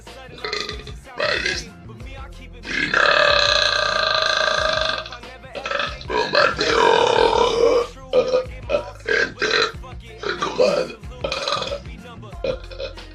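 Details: Men of different nationalities (Spain, Liberia, Italy, Mexico) burping for show: long, loud, deliberately voiced voluntary belches, some drawn out several seconds, with background music.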